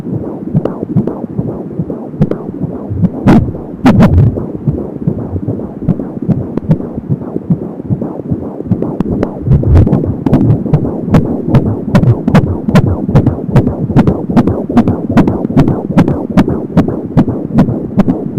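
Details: Fetal heart sounds at 17 weeks of pregnancy on an Angel Sound home fetal Doppler: rapid regular galloping heartbeat about 170 a minute with whooshing umbilical cord sound.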